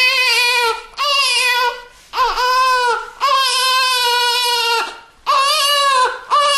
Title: Baby Crying Sound Effect / Sound Of New Born Baby Crying / Child Cry Sound